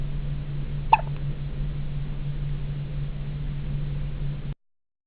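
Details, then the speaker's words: Child in hospital with a fairly strong bout of hiccups; one brief, abrupt hiccup over a steady low background hum. "so here we are in the hospital and sophia's got the hiccups a pretty good case of them actually"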